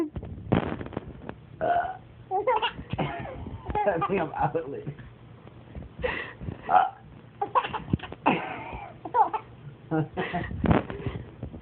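Repeated voiced belches mixed with a baby's giggles and short laughs in a small room.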